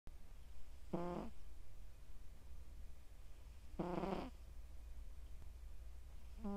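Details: Scottish Straight male cat, born July 2020, sleeping: loud, buzzy, tonal snores about every three seconds, roughly 21 a minute, over a steady low rumble.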